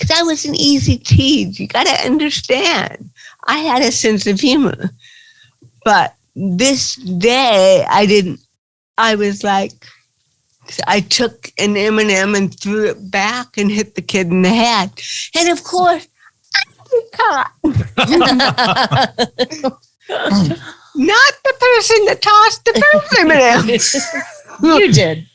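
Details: Adult woman with cerebral palsy speaking in an interview: dysarthria (cerebral palsy).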